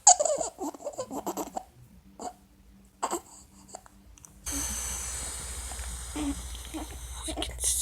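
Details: Infant with laryngomalacia, a floppy voice box: noisy, squeaky breathing and vocal sounds with inspiratory stridor.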